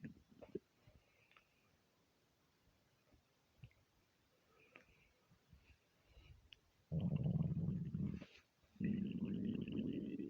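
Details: Quiet gurgles and clicks, then two long, loud, low growling stomach rumbles, attributed to being half hungry and half gassy from eating too much; borborygmi.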